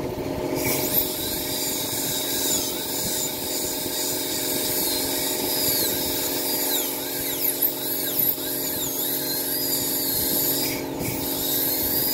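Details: Dental drill during first-time root canal treatment and filling of an infected tooth: steady high-pitched whine with scraping and rubbing of instruments.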